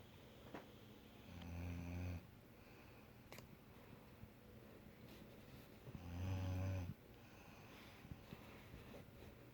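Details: Snoring during a plane flight: two low, rumbling snores about four seconds apart over a noisy background.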